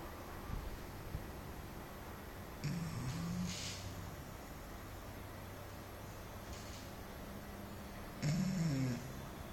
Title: snoring